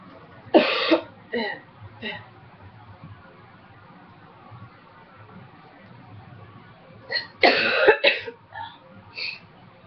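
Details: Adult with a cold who quit smoking almost two years ago: two bouts of short, harsh, dry coughs with quiet pauses between; non-productive dry cough.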